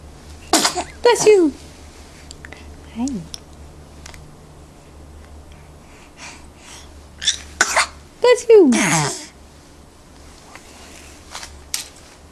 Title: 0254 2011 0614 four sneezes